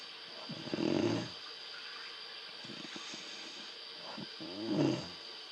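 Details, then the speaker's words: Two rattling, snorting snores about four seconds apart with soft breathing between, from a sleeping dog that snored all night. "all night I had to listen to this shit."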